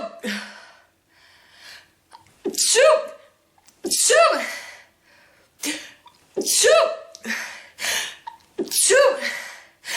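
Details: Rapid bout of about six forceful sneezes, each preceded by a sharp inhale, with French exclamations between them: part of a woman's 46-sneeze fit before blowing her nose.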